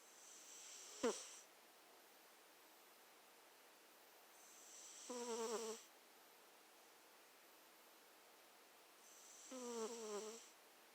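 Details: Cat snoring while sleeping: soft, whistling snores with each breath in, about 13 a minute.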